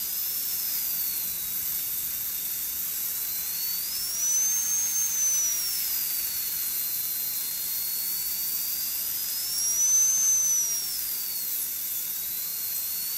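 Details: Continuous shrill whine with spray hiss, pitch rising and dipping with load: a high-speed dental drill cutting a Class II interproximal cavity preparation under rubber dam, extending the proximal box gingivally.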